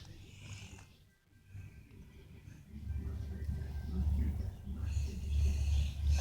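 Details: Person recorded asleep, low rumbling snoring that grows louder and more continuous toward the end, with faint room noise behind; snoring.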